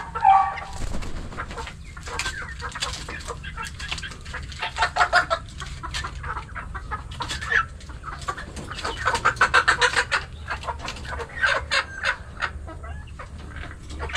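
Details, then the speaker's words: Newly bought darag native hens, seen flicking their heads and thought to be sick: clucking amid short, crackly rattling bursts with each breath: respiratory rattle (halak). "Oh, naririnig niyo ba 'yon? Yun yung halak."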